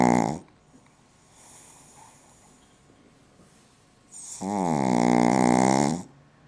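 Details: A sleeping female pug gives loud, rattling snores on the in-breath, with a quiet pause between them.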